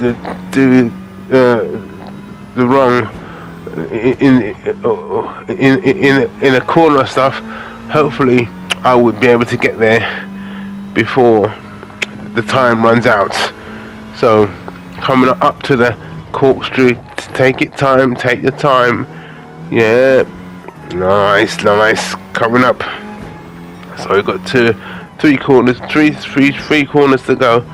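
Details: Adult man with aphasia following a major stroke in August 2013, commentating on a racing game as speech practice to improve the aphasia; aphasia.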